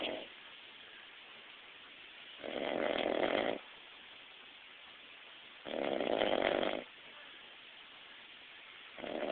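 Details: Adult man napping, snoring loudly: rhythmic rough snoring sounds on each breath, about one every three seconds, with quiet pauses between.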